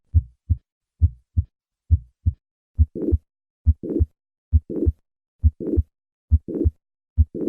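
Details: Mitral valve prolapse murmur (mid-to-late systolic crescendo murmur).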